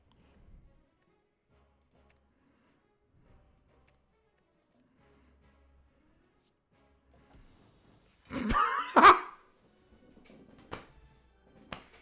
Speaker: So do you know that I have one asthma attack a year, and No. it chose today?